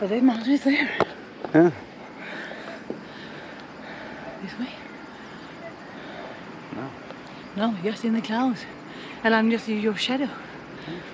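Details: Adult speakers outdoors; normal voice.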